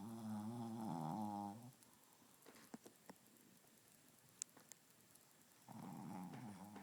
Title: Baxter snoring